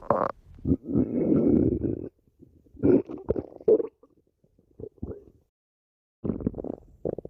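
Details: Stomach growling (borborygmi).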